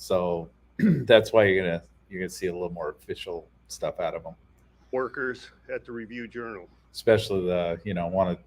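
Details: Adult male speaker; no disorder.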